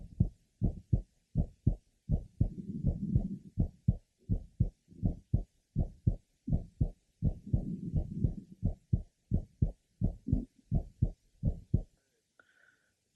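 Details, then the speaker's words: Woman 8 months pregnant, third left sternal border: grade 3 short innocent systolic murmur occupying early to mid systole. "listen to her innocent systolic mer it is grade three intensity it is short occupying early to mid sisterly"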